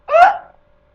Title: I Have the HICCUPS!! part 17!